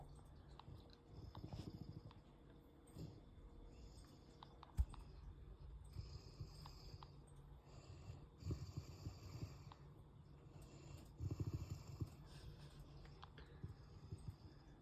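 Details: Mastiff-mix dog asleep beside a person, snoring: low, soft, rumbling snores at irregular intervals with snuffly breaths, faint room noise and a few clicks.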